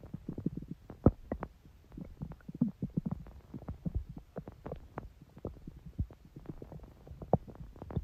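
Irregular low gurgling and rumbling bursts throughout: ordinary stomach growling from gas and fluid moving through the gut.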